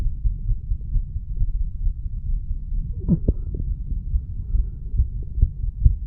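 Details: Heart sounds recorded at the mitral area of a 34-year-old male after smoking nicotine and "green stuff"; he notes a slight change in heart rate and heart sound.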